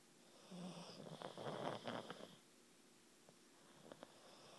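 A rough, rattling snore during one breath, then quieter breathing with faint snorts; snoring in a flat-faced dog.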